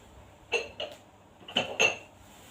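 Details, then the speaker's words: Simulated nursing demonstration of deep breathing and effective cough to clear the airway: after deep breaths, the patient breathes out through the mouth with four short, sharp deliberate coughs in a quiet room. "Nah, baik Bu, nanti yang terakhir Ibu tarik nafas, lalu keluarkan melalui mulut sambil dibatukan gitu Bu ya."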